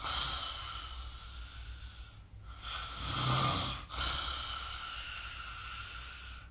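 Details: Snoring during sleep recorded with the SnoreLab app.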